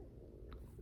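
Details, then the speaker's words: Stomach growling during talk: a brief, soft, low rumbling gurgle in a quiet room, ordinary bowel sounds (borborygmi). "stomach just growled. I don't know if you could hear that."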